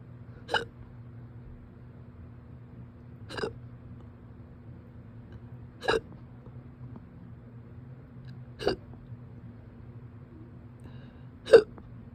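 Five sharp, brief hiccup sounds at regular intervals of about three seconds, roughly 20 a minute, over a steady low hum; repeated hiccups.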